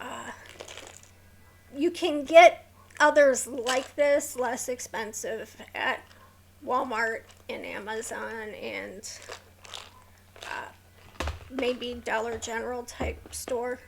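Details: Woman with a neurological condition causing tremor of the hands, voice and head, plus mild tardive dyskinesia; she strains to talk because of it, making her throat sore: vocal tremor.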